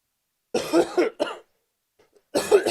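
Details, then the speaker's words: Cough from an adult who is ill while recording an outdoor event vlog at a campsite; coughing heard during the recording. "ouais je tousse parce qu'en fait même pendant l'enregistrement là je suis malade mais il faut je produise les vidéos donc j'ai pas le choix"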